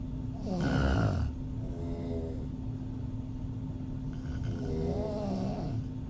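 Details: Adult female open-mouth snoring, audio only: two rough, rattling inward snores with open-mouth breathing against a steady hum; ordinary snoring.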